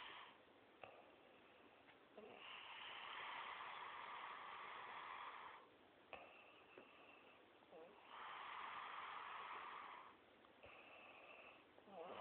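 Long, rough, hissing breath sounds in slow cycles, about five in twelve seconds, with muffled recording; snoring.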